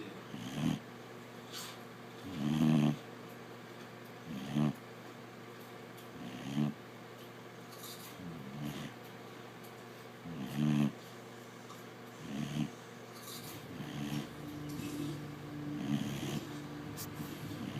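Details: Snoring from a sleeping pet: soft, low, irregular snores roughly every two seconds in a quiet room; ordinary snoring.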